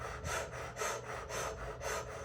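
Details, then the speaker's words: Demonstration of body plethysmography in a pulmonary function test: female subject, hands on cheeks, does rapid, shallow, even panting at about 110 breaths a minute to measure airway resistance. "she's gonna put her hands to her cheeks and she's gonna do small fast breathing so just like this"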